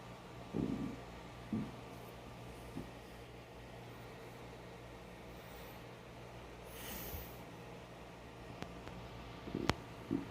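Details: Brief low gurgling rumbles against a quiet hum: stomach growling (borborygmi) on an empty stomach before breakfast.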